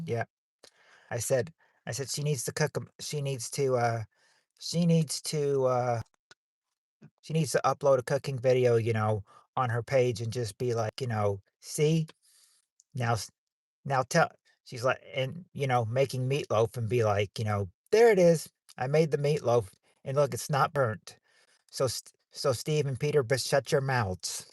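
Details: Man who says he stutters so much that he probably repeats himself; stuttering.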